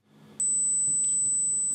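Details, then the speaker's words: Steady high-pitched pure tone over faint low room hum, as used in a standard hearing test to measure the auditory threshold (softest detectable sound); discussed as insensitive to hidden nerve-fibre loss in tinnitus patients with normal thresholds. "On mesure le seuil auditif. On mesure la plus petite quantité de son qu'on puisse détecter."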